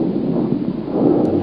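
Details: Chest auscultation teaching recording: brief, steady, soft rushing breath sound through a stethoscope without a clear pause; normal bronchovesicular breath sounds.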